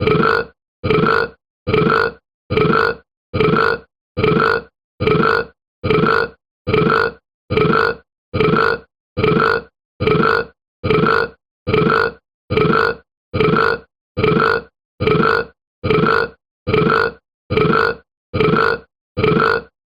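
Identical short belching bursts repeating at a steady 72 per minute, so even that they sound looped: repeated burping.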